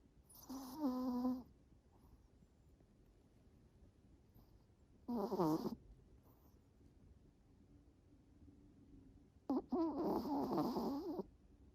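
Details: A pet snoring, exhausted after a walk in the park and a vet appointment: three separate rough, tonal snores several seconds apart over quiet room noise.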